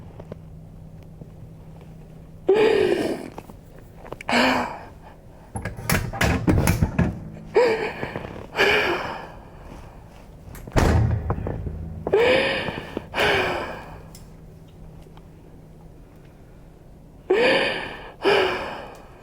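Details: A woman gives several sharp in-breaths and vocal gasps of rising pitch, with a burst of clicks and rustling, during a chiropractic adjustment in a fascia healing session; gasping.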